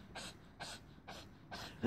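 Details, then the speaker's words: A dog, on medication, gives four short, harsh dry coughs in under two seconds after heavy breathing, done three or four times today; the owner is unsure whether it is a medication reaction. "oh that's the cough he's got and just a moment ago he was breathing heavy"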